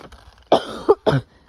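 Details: Two harsh, throaty coughs with a brief catch between them from an adult with a lingering cough; a plain cough.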